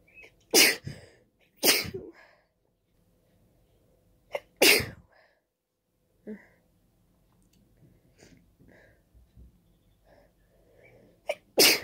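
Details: Allergy sneezing fit in late spring, itchy nose: four loud, explosive sneezes with quiet breaths between them.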